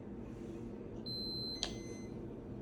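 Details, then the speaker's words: Moog Infinity enteral feeding pump, demonstrated on a doll rather than a patient: a steady high electronic tone, then a short sharp beep, as the pump alarms for no flow in from the bag caused by a kinked line. "it's saying there's no flow in which means that there is a problem coming between from the bag to the pump so something's happening up here so I Kings it right here so it was kinked and that's why that went off"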